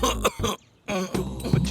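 An acted adult cough: a few short, harsh bursts, then a brief pause and more coughing.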